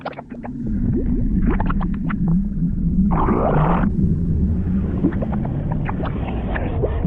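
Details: Stomach growl: long, low rumbling and gurgling with a brief squeaky rush, from ordinary gut movement. Borborygmi.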